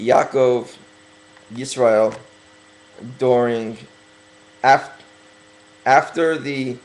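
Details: Man working on his stuttering, deliberately speaking slowly as self-correction; stuttering.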